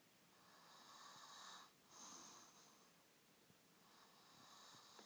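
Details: A sleeping person snores with slow, noisy, hissing breaths and rough airflow on each cycle, about three breaths in five seconds.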